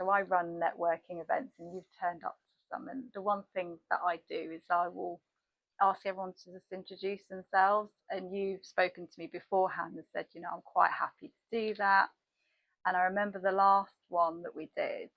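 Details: Adult woman; typical speech.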